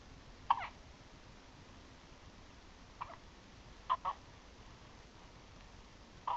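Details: Infant aged 1 month 8 days lying in crib with hiccups: four or five short, sharp hiccup sounds a few seconds apart over quiet room hiss.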